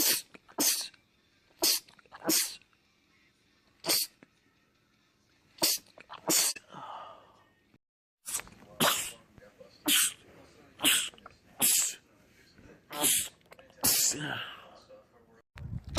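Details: About fourteen sharp sneeze bursts by men in quick succession, with brief talk between some; rapid sneezing fits in a compilation of film or TV clips.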